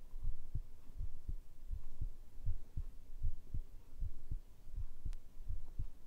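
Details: Normal heartbeat recorded for ASMR: a steady, rhythmic thumping of heart sounds.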